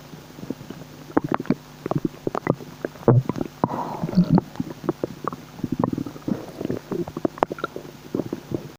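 Irregular bubbling and gurgling abdominal noises with brief pops and low rumbles, ordinary digestive bowel sounds.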